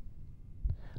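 Soft, low thumps of a single heartbeat through a stethoscope bell at the apex, with no murmur heard: normal heart sounds.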